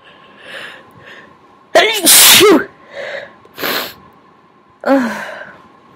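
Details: Sneezes induced by tickling the nose with a Q-tip: several big, wet sneezes, including one loud explosive burst, with quiet breathy sounds and some talking between them.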